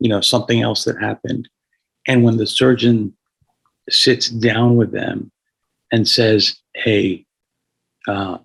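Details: Adult man with a paralyzed vocal cord after being shot in the throat at 17 (1994), with carotid injury, tracheal rupture and about 6 months of tracheostomy; he notes audible raspiness; vocal cord paralysis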